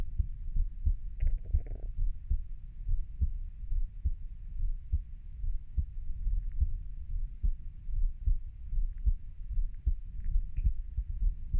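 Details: Own heartbeat of a 30-year-old: soft, muffled low thumps at about 72 beats a minute under a steady low rumble; normal heart sounds.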